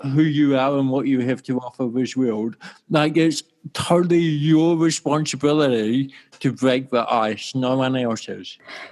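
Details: Adult male with cerebral palsy since birth in 1984; his walking and talking were affected from the start; dysarthria (cerebral palsy).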